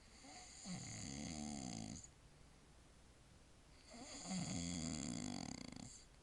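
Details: A sleeping man at 9:47 pm, exhausted after a 2-year-old's birthday party, gives two long, loud, rattling snores with quiet breaths between them; ordinary snoring.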